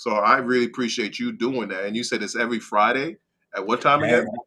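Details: Adult man speaking; typical speech.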